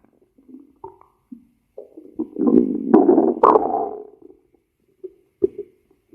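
Short gurgles, squeaks and a longer rolling growl, typical stomach growling.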